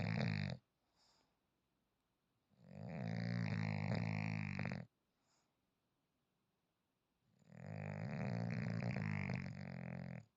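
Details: Sleeping French bulldog: two long, loud, rattling snores on breathing in with a quiet pause between: snoring.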